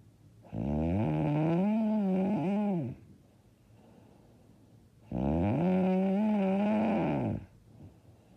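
Two long, loud, rattling snores on breathing in, with quiet pauses between. Heavy snoring during sleep.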